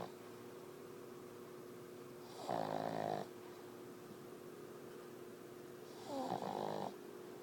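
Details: Two rattling snores about four seconds apart over a steady background hum from a sleeping Boston dog; snoring.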